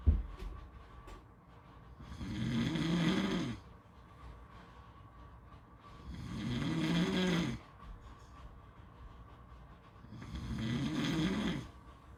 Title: Beach snoring sounds